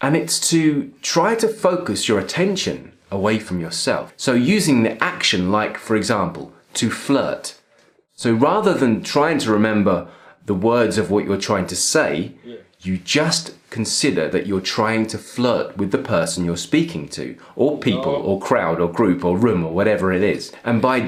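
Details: Adult male speaker; Normal fluent speech.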